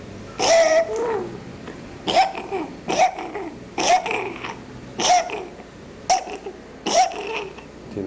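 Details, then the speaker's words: Inspiratory stridor in a pediatric patient with vocal cord paralysis, recorded during awake fibroscopy as the cords fail to move and only descend on attempted inspiration: rapid breathing with a high-pitched crowing noise on each breath in. "Si bien a simple vista pareciera que moviera las cuerdas vocales, en realidad no las mueve, lo que hace simplemente es descenderla en el intento de inspirar. Se escucha perfectamente el estridor en el momento de la inspiración."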